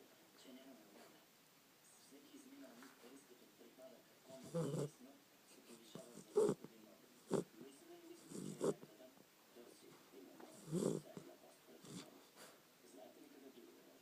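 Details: Snoring while asleep: several loud, rough breath noises recur over quiet background breathing, fitting a sleeping dog.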